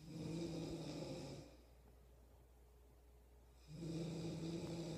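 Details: Pregnant woman snoring: two loud, low, buzzing snores on in-breaths, separated by a quiet out-breath.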